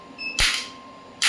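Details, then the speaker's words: Biotronix electromagnetic clinical shockwave therapy device applied by operator to his own small joint, frequency kept low: two sharp snapping pops about a second apart over a faint steady tone; shockwave applicator firing. "Frequency अभी कम रखी है धीरे-धीरे shots कर रहे है मैं आपको डिफेंसी बढ़ा देता हूं"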